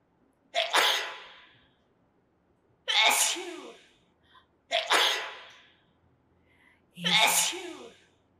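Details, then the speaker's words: Sneeze demonstrated as a body sound in a lesson for young children. "ninguém quer espirrar né agora neste momento ninguém quer ficar espirrando"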